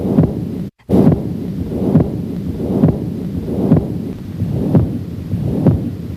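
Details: Patent ductus arteriosus heard at the aortic area on auscultation: regular heartbeat near 68 a minute with a continuous rumbling murmur filling the spaces between beats; PDA murmur.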